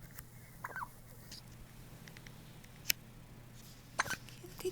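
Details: Almost one-week-old newborn girl gives several brief, sharp squeaky catches a few seconds apart over quiet room hum, like a squeaker toy; normal infant hiccups.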